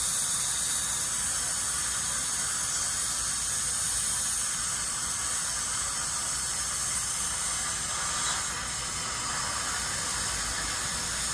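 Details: Ultrasonic scaler with water spray during a dental hygienist's teeth cleaning of a dentist: a steady high hiss of water spray with a faint high whine.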